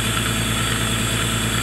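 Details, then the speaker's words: Dental handpiece motor and suction unit both running at maximum together, said not to affect each other with a 750 W motor: a loud, steady motor drone with a high whine throughout. "两个都转到最大的借用气量，但是并没有互相影响到。"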